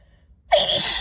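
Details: Allergic sneeze induced by dust from books in a bookstore, in a person with pollen allergy: brief quiet lead-in, then one sudden explosive sneeze with a hissing release.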